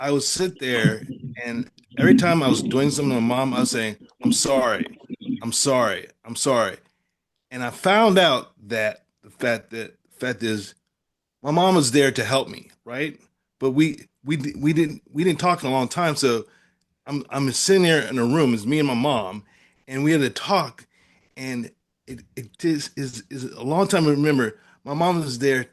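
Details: Adult male stroke survivor with aphasia following stroke; aphasia.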